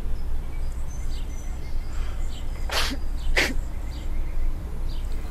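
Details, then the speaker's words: Two quick, sharp sneezes over quiet room noise, acted in a short drama by a young Indigenous man, a character for whom sneezing before going out is a taboo omen. "老一辈的人认为打喷嚏会让你的灵魂脱离你的身体，所以出门前若是打喷嚏的话，就要在家里待一段时间才可以再出门。"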